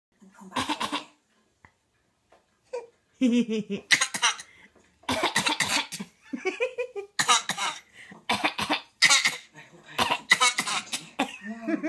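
A series of about ten sharp, forceful coughs in quick bursts, some with a brief voiced catch.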